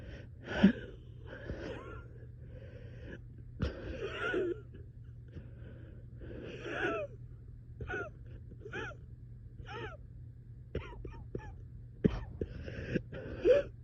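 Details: 3am coughing fit in a person reporting being very short of breath: repeated harsh coughs with gasping, wheezy in-breaths and breathy groans between them, with laboured breathing.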